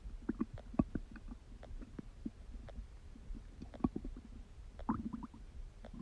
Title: Stomach Digesting Sound | My Stomach Makes Noises